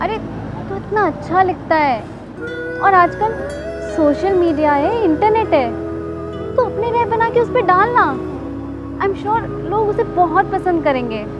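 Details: Adult speaker, acted; normal speech.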